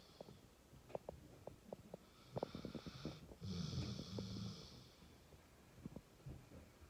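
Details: Sleeping pit bull: low, rumbling, snorting breaths with scattered clicks and room noise and one longer snore in the middle; dog snoring.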